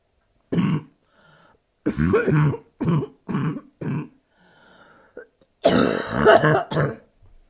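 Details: About eight harsh barking coughs in a loose series from a woman with bronchitis, separated by brief, faintly noisy breaths in; lying down makes her want to cough, and her abs hurt.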